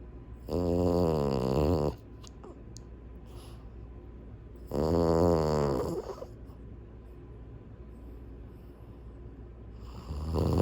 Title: Cute French Bulldog Snores with eyes open. #French Bulldog Snores